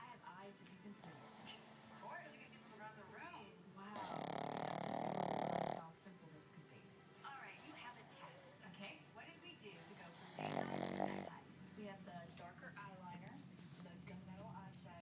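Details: Sleeping dog, a sound sleeper who snores loudly: two long, rough, rattling breaths over television speech and music; ordinary snoring.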